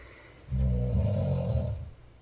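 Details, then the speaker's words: Older sister snoring in her sleep around 5 a.m., two sleepers alternating snores: one deep, rattling, low snore lasting about a second and a half on a breath. "사람이라면 들숨 날숨에 의해. 한 박자 수고. 한 박자 코를 고는데요. 원래 코를 두 명이 골라서 한 명이 골면 한 명이 고."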